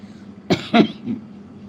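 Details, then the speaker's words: An unwell adult coughs during a live stream: two quick, sharp cough bursts, then softer throat-clearing. Their voice sounds odd, and everyone at home has a cough. "খুব কাশি হচ্ছে [গলা পরিষ্কার করা] বাড়িতে সবারই হচ্ছে কাশি"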